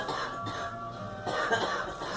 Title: Girl coughing